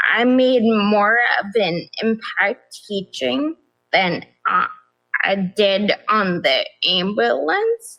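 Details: Adult woman with progressive ataxia of still-undiagnosed type despite many genetic tests; began at age 26; affects nerves, balance and speech, with nerve pain; mainly a wheelchair user; also severe anxiety and depression; ataxic dysarthria.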